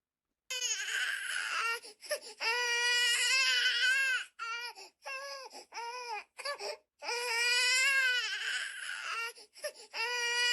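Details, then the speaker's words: Infant crying in loud, high-pitched wails broken by brief gasps and short whimpers, a recording played back to a deep-learning snoring detection system, which classed it as not snoring. "Şimdi de bebek ağlaması dinleteceğim."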